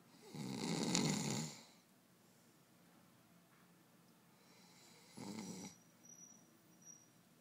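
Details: Sleeping boy: a long, rough, rumbling snore on the breath in, a quiet pause, then a shorter second snore, quiet room noise; snoring.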